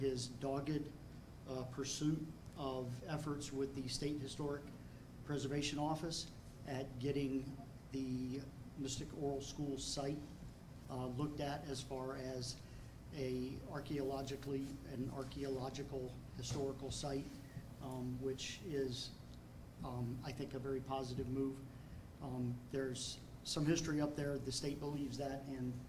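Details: Adult male speaker; ordinary speech.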